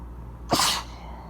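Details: Person with narrow nasal passages tickling the left nostril with a feather for the first time, trying to hold back: a single sharp, hissing sneeze after a quiet lead-in, against low room noise; sneeze.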